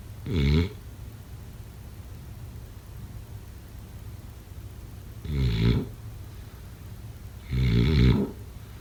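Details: Snoring during sleep: three loud, rattling snores on the in-breath over about nine seconds, with quiet pauses between them.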